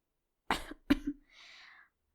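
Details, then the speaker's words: Simulated cough, acted in a fictional illness (hanahaki) story; the character denies coughing up blood: two harsh coughs, then a breathy exhale in a quiet room; acted coughing fit. "what what are you saying that wasn't you must have been seeing things I did not cough up any blood"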